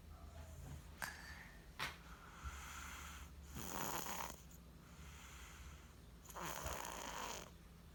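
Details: Sleeping baby girl snoring, slow rough rattling breaths at rest with soft snorts, two long noisy breaths standing out; snoring.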